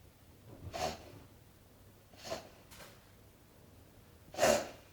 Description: My dog with a reversed sneeze. Terrified when I first saw and heard it happen!